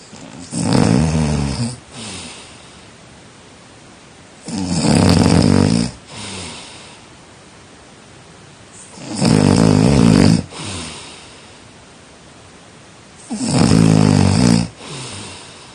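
Loud, rough snores on each breath in, about 14 breaths a minute, with quiet breaths out between them. Typical heavy snoring.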